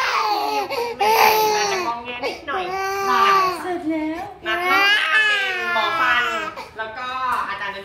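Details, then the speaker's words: Infant boy crying and tearful after a brief procedure while held by a nurse; infant cry. "Oh, the tears are coming."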